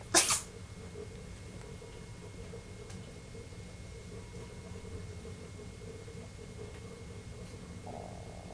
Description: Kitten sneezing.